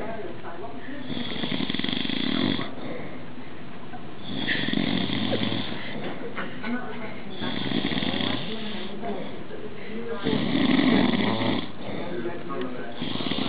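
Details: Father snoring: loud, rattling snores with each breath in, about four in 13 seconds, with quieter breathing between.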